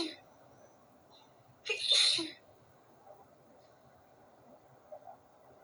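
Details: One forceful sneeze with a sharp intake before it, in a quiet room, from a sneezing fit after the window was left open at night.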